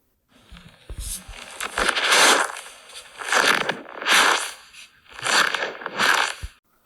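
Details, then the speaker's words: Knee flexed and extended with sound recorded at the knee: rough crackling, crunching bursts with each bend, like crumpled plastic or dry leaves; coarse crepitus from badly damaged, roughened cartilage. "아까처럼 무릎을 구부렸다 폈다 하면 이게 긁히는 소리예요 부칙 부 그래서 그 연골이 많이 상했다는 얘기죠"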